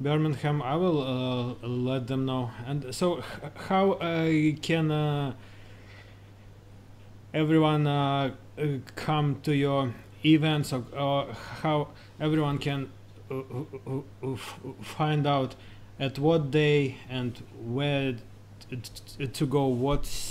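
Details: Lifelong stammering (stuttering) in an adult male, managed with prolonged speech and relaxation techniques.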